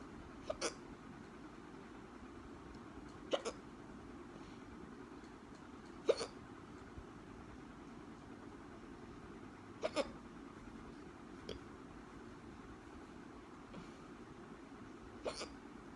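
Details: Hiccups: short, sharp gulping clicks repeating every few seconds, about seven in sixteen seconds, over quiet room noise.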